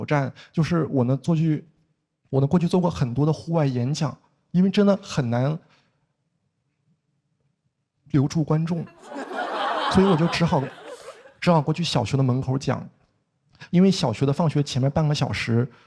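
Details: Adult male with stuttering since childhood, blocking (pause) type, formerly severe enough to prevent face-to-face conversation, since improved; stuttering with blocks.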